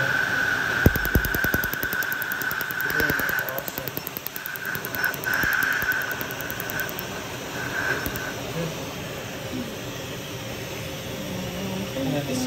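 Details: Rapid snapping laser pulses, about three per second, over a steady blowing hiss from a cooling air unit during a laser tattoo removal session (7th treatment of lettering, also 3rd treatment of a palm tattoo), treating highest setting.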